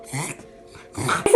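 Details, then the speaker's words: Dog reverse sneezing, forcefully inhaling through the nose with loud snorting, honking breaths; such episodes last 10–15 seconds and can be normal. "an episode of reverse sneezing can be quite a normal behavior in dogs although it can sound quite scary when it's happening"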